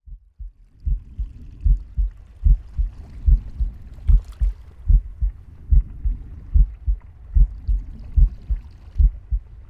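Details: Pig's heartbeat with breathing and stomach growling: steady, regular low heart thumps at about 74 beats a minute, with soft breathing and gut gurgles underneath.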